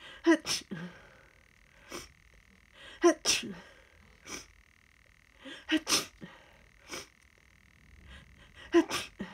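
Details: Sniffly person, unsure whether allergy or start of a cold, in a prolonged fit of very rapid tickly sneezes, each preceded by a quick in-breath.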